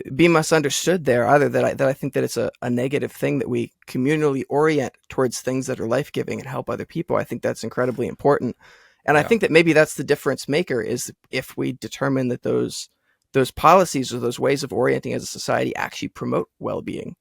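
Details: Adult man speaking; normal voice.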